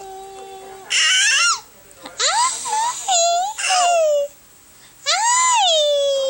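Four loud, high-pitched wailing bursts with rising and falling pitch, separated by short pauses: an infant crying or squealing.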